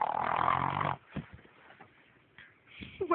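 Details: Snoring during sleep: a loud, rough, rattling snore about one second long, then quiet breathing sounds and soft snuffles.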